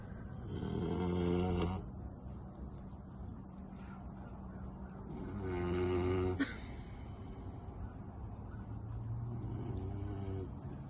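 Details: Loud, rattling snores on the in-breath, about three in ten seconds, with quieter breathing between, from a sleeping Victorian Bulldog; snoring.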